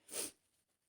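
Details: Simulated sneeze by a young woman role-playing coming down with a cold after being out in rain yesterday, with a sore throat starting: a single short, hissing sneeze burst lasting a fraction of a second.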